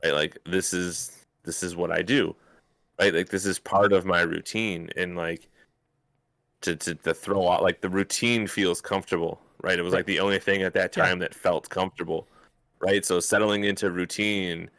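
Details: Adult speaker, conversational; normal speech.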